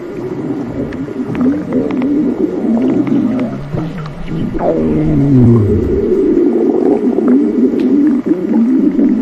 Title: Splendid Stomach Rumbling 💕